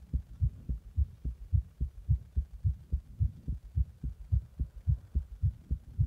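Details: Heart after drinking a Monster energy drink in the bath and applying compression: strong, regular low thumps at about 107 beats a minute, a fast heartbeat.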